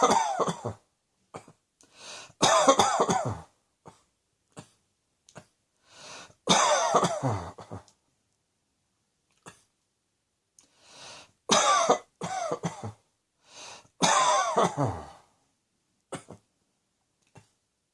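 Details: An adult gives repeated bouts of loud, harsh, voiced coughing separated by quiet pauses.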